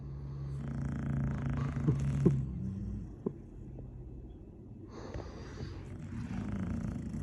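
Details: Low, rumbling snorts with breathy gaps between them from a sleeping Chow Chow dog; loud snoring.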